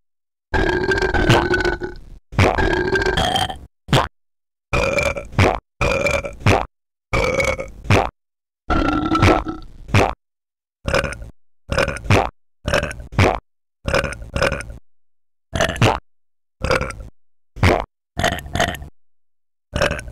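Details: Repeated burping from an experimental music track; a long run of about 20 deep, voiced belches separated by brief silences.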